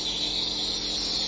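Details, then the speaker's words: Air-driven compressor nebuliser switched on for a COPD or asthma patient who needs oxygen: a steady, loud hissing mechanical drone, described as a bit annoying, as nebulised medication is delivered. "so in order to switch the machine on you'll see a green button and you literally press the on button and you're going to hear a big a kind of a bit annoying"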